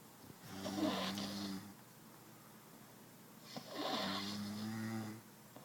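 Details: Two slow, rough, rattling breaths in sleep, each a long fluttering snore on the in-breath, in a quiet room, from a sleeping woman; snoring.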